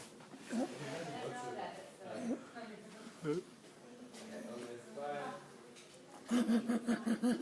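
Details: A child with croup makes voiced sounds ending in a burst of rhythmic, raspy, wheezing, Mutley-like laughter: a stridorous croup laugh.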